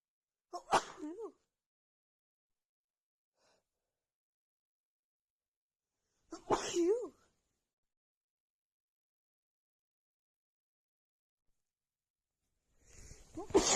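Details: Female loud sneezes into a hanky, described as very tickly and strong: three forceful sneezes, each with a quick indrawn breath before, separated by long silent pauses.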